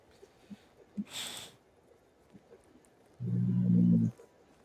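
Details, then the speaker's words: A sleeping pet dog snoring; the owner tried waking him but he would not wake. A loud, low, steady rumbling snore near the end, with faint room noise and a brief earlier rustle. "So Is that your everyone, dog snoring? yeah, dog Yeah, it's snoring. my dog snoring."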